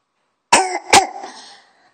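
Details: Child's cough: two sharp coughs close together, each starting abruptly with a brief voiced tail fading out, in a quiet room.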